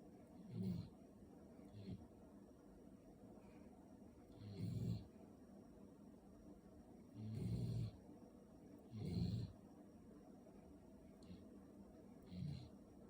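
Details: Sleeping puppy snoring: soft, low, rumbling snores recurring every few seconds over steady background hiss; ordinary snoring.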